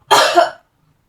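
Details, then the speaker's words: Simulated nursing role play of an effective-cough exercise: a woman seated with hands on her abdomen inhales through the nose, holds 2–3 seconds, then gives a single deliberate, forceful cough through the mouth lasting about half a second. "Pertama, Ibu letakkan kedua tangan Ibu di atas perut, kemudian tarik nafas lewat hidung, lalu tahan 2-3 detik. Oke. Kemudian batukan lewat mulut."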